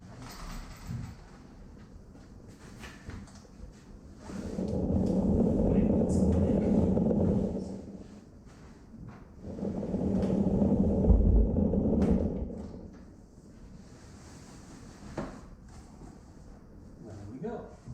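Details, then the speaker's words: Homemade negative-pressure ventilator (iron lung) driven by a vacuum cleaner with hoses, with the inhale phase longer than the exhale phase: vacuum rush in two long phases with quiet gaps as airflow switches back and forth. "the rest of it is simply vacuum cleaner with with the hoses attached let's show you how it works"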